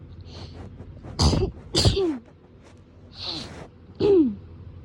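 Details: Several sneezes in quick succession, each a sharp burst with a trailing voiced release; repeated hay fever sneezing filmed within a 3–4 day span.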